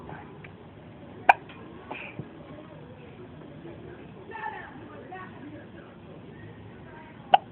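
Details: Two sharp, abrupt hiccups about six seconds apart in a child, with quiet voices in the background; ordinary hiccups.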